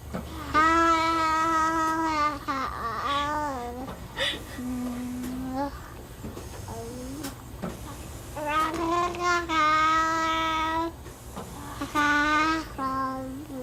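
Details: Ventilator-dependent infant boy with Werdnig-Hoffmann disease vocalizing through a tracheostomy with a Passy-Muir speaking valve in line with the ventilator; the clinician notes throat secretions, mild respiratory distress and unusually loud voicing; infant voicing with a tracheostomy speaking valve.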